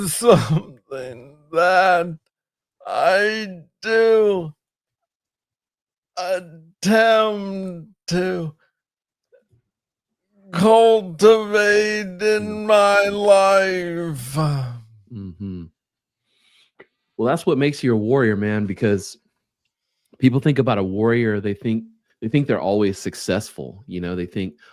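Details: Adult man with Parkinson's disease, diagnosed in 2014 at about age 35 after it was first misread as tennis elbow; real, unacted conversational speech; slow speech (hypokinetic dysarthria).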